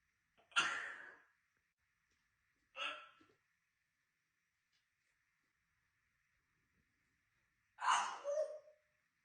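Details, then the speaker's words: African grey parrot making three sharp, abrupt hiccup-like bursts spaced a few seconds apart, while the owner insists parrots don't get hiccups; hiccups. "hiccuping as well, you haven't got the hiccups. Because you haven't got the hiccups, stop it. Parrots don't get hiccups."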